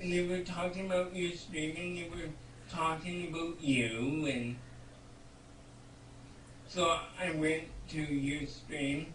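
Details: Speech of an adult man with cerebral palsy; no specific speech disorder is named.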